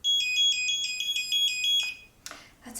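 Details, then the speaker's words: Owlet Smart Sock 2 infant pulse-oximetry base station, test triggered by holding its button: rapid high-pitched repeating chime, the red alert for heart rate or oxygen outside specified limits. "Flashing red, heart rate and oxygen levels are outside specified limits. So I guess you will get that alarm, which is great."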